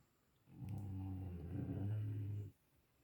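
A single long, low rumbling snore from a sleeping dog, lasting about two seconds.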